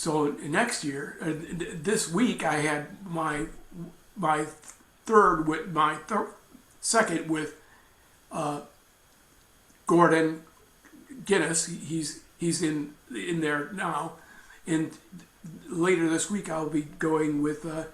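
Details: Woman with aphasia after a stroke, treated by speech therapy; aphasia.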